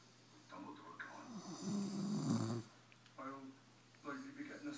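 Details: Person snoring: one loud, rattling, voiced snore followed by shorter groaning breath sounds. Snoring.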